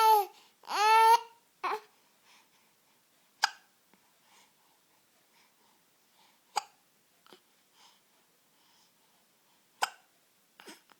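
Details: Infant who always starts hiccuping after laughing: brief laughing and babbling give way to sharp, sudden hiccups about every three seconds that won't stop.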